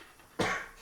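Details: Single harsh explosive cough in a quiet room, from a man whose persistent cough led to an ambulance call during the Covid period; not hospitalized.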